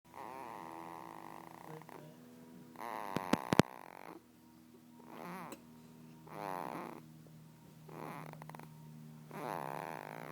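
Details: Sleeping girl, said to snore like her father and likely drooling: soft rattling snores with each breath, about five in ten seconds, over a steady low hum; snoring.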